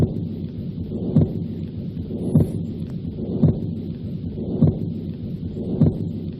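A steady, rumbling murmur runs without a break through the whole cycle, swelling around each heartbeat at about 50 beats a minute. This is the continuous machine-like murmur of a patent ductus arteriosus, heard through both systole and diastole at the left upper sternal border.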